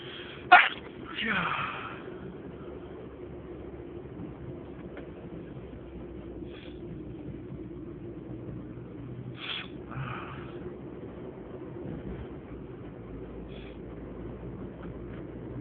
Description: This video is made of a lot of sneezes that I want to stifle...Enjoy